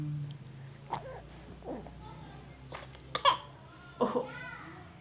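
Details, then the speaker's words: A few short coughs from an infant boy, mixed with cooing, babbling and smiling, with faint room noise; infant cough. "Batuk Pak haji"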